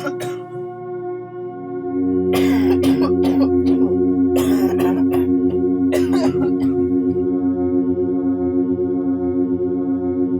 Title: COUGHING PSA